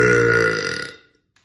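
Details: Adult woman burping: one loud, deep, sustained voiced belch lasting about a second, then fading out; an ordinary burp.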